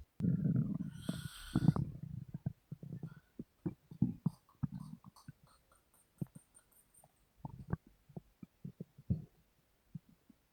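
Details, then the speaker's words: Sleeping adult woman, snoring with open mouth; low rumbling and irregular gurgling pops from her belly, ordinary bowel sounds, stomach rumbling (borborygmi). "Can you believe me now when I say my stomach grumbled too much?"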